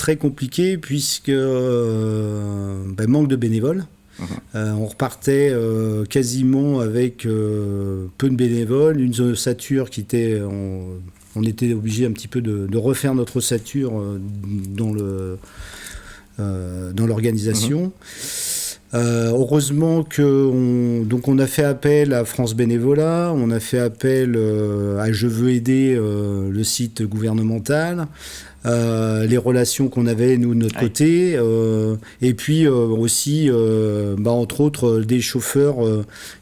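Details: Adult male speaker; normal speech.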